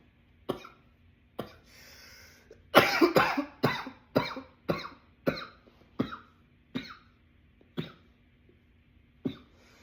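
About a dozen sharp coughs in under ten seconds, a tight cluster early then spacing out, a bout of repeated coughing.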